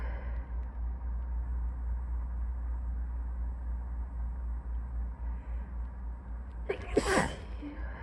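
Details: A very sleepy person who had drifted fully asleep gives one soft, drowsy sneeze near the end over a steady low room hum.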